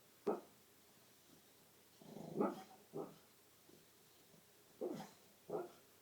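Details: A sleeping pet bulldog makes short, irregular snorting snores with quiet gaps between the noisy breaths.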